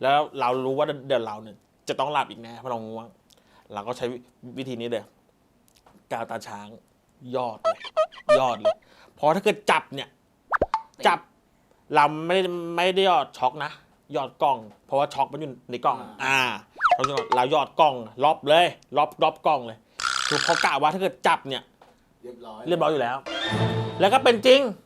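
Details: Thai speaker from a group of people who stutter, heard during a challenge game, with word and part-word repetitions; stuttering.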